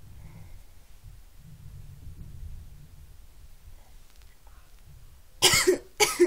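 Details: Person feeling unwell: quiet room noise, then two sudden harsh bursts near the end, sounding like coughs or sneezes; coughing.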